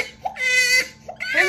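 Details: Loud, high-pitched, strained wail with sharp onset from a young boy who was afraid and hurt by a vaccination injection, given before polio drops; a distressed pain cry.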